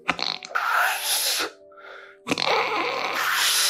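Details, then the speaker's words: Imitated expiratory snoring from a drooping uvula: breath goes in easily but cannot exit the nose, so forceful, breathy 'puu' puffs are blown out through the mouth on exhaling, over background music. "하고 숨이 코로 못 나가고 입으로 뿜어져 나오는 그래서이 또한 [음악] 어 옆에서 자는 사람한테 되게 신경 쓰이게 하는 그런 이유가 됩니다."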